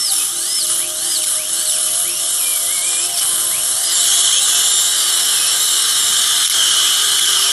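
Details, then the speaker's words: Surgical drill with water irrigation cutting bone around a lower left third molar during surgical extraction in a female patient: a high-pitched whine rising and falling in pitch. "Lots of water and little vibration you're gonna feel here. No worries."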